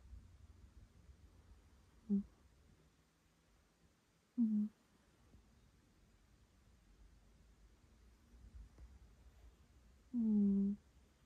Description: My cat is snoring quite loud while she sleeps. She is sleeping in a ball shape and her breathing is causing a loud snore.